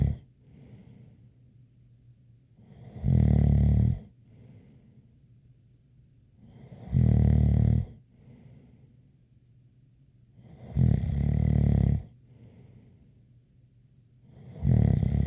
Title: Snoring Sounds ZZzzz with a light whistle